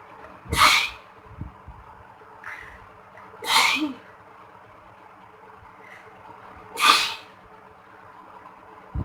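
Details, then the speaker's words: Solo sneezing challenge with sneezing powder (chiikni powder): three sharp, explosive induced sneezes a few seconds apart over a quiet background hum; afterwards tears are reported rolling from the eyes. "so this is the chickening and uh I'm going to sneeze it again just for you"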